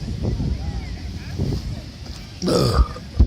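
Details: Polish woman with low rumbling noise, then a loud, drawn-out deliberate belch near the end; burping.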